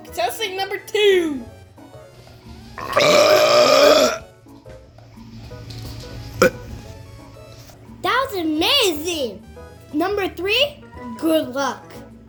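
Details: Long, loud, drawn-out burp in a burping contest, between playful high-pitched voices over background music.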